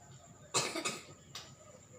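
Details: Adult with dizziness and cough during an alternative massage treatment: quiet room, then a harsh double cough followed by a softer single cough.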